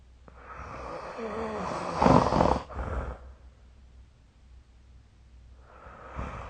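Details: Snoring recorded with the SnoreLab phone app during sleep: repeated snores with occasional snorts.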